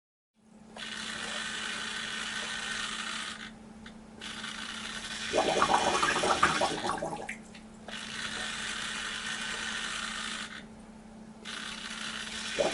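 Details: Homemade positive pressure mechanical ventilator (servo, 2 l and 5 l bottles, valves) operating: steady motor hum and hissing airflow, with a louder rushing push and brief pauses.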